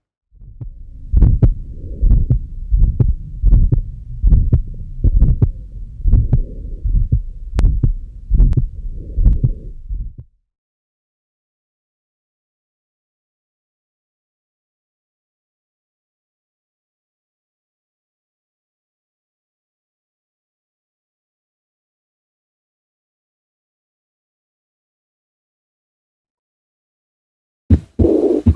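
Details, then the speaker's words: Aortic stenosis ejection systolic murmur, rough, grade 3 to 4, best heard at the base of the heart and radiating to both sides of the neck, reflecting left ventricular outflow obstruction. "this murmur can be rough or grade three to four and sometimes heard all over the precodium but make sure it is best heard at the base of the heart and radiates to neck signifying left ventricular outflow obstruction due to iot equal stenosis"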